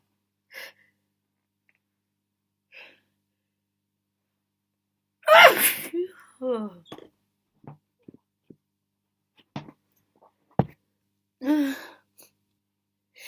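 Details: Deliberately muffled sneezes while trying to stifle them: several stifled sneezes, each with a quick intake and a held, muffled burst, in a quiet room; sneezing.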